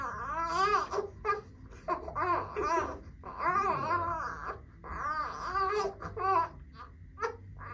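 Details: Infant during first chiropractic adjustment; repeated rhythmic wailing cries in short bursts separated by breaths, small room; infant cry.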